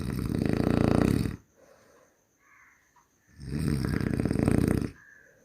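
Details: Human snoring: two loud, rough snores on breathing in, with quiet breathing between them at about 15 breaths a minute; ordinary snoring.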